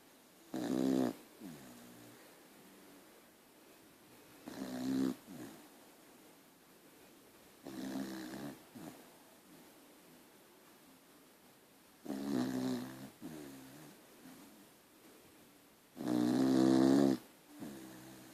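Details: Sleeping dog Archie snoring rhythmically, about four loud snorts over 18 seconds with softer breaths between in a quiet room; snoring.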